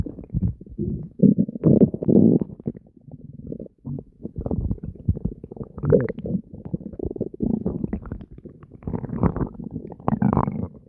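Continuous low gurgling and deep growling from the abdomen, irregular and frequent; ordinary bowel sounds.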